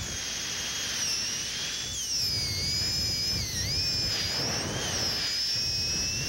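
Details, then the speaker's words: High-speed dental handpiece, used with a light touch, rounding the lingual of a maxillary second bicuspid during preparation for a porcelain-fused-to-gold veneer: steady high-pitched whine dipping under load over soft water-spray hiss. "again trying to use I speed and a light touch I will round this lingual"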